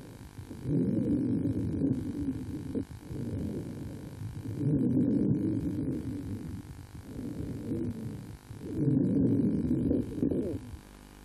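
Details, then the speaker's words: A child in a severe asthma attack with bronchial hypersecretion, heard by stethoscope while breathing deeply: labored breaths with coarse rhonchi in both lung fields and diffuse wheezes showing intense bronchospasm. "existe dans les deux champs pulmonaires des râles bronchiques qui témoignent de cet encombrement et puis des râles sibilants diffus qui témoignent bien de l'intensité du bronchospasme."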